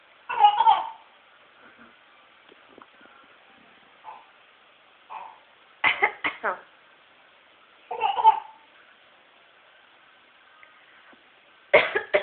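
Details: About six short, dry cough bursts spaced through quiet, one or two people trading coughs back and forth: cough.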